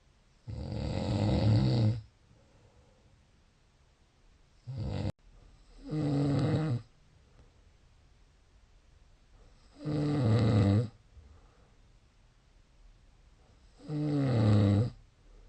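Low rattling snores on each breath in, about 15 a minute, with quiet pauses between them.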